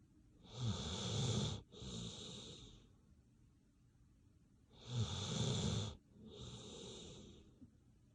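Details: A sleeping dog snoring: two slow breath cycles, each a loud rasping inhale followed by a softer hissing exhale.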